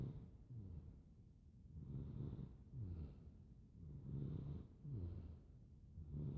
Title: Baby snore sounds